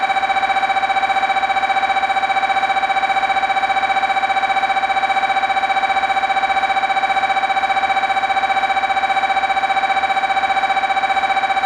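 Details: MRI scanner noise: loud, steady, rapid electronic buzzing at a fixed pitch, pulsing about 150 times a minute without pause.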